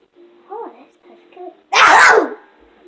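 A child speaks briefly, then lets out one loud, forceful acted sneeze lasting about half a second.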